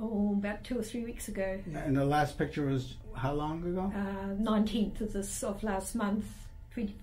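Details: Adult woman speaking, possibly with a second speaker; no speech disorder.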